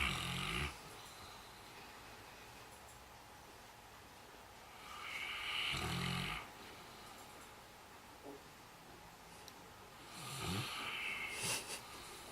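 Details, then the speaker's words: Saint Bernard dog asleep in the kitchen snoring: three loud, rasping, low snores about five seconds apart, roughly 11 a minute. "Low snore. With a storm."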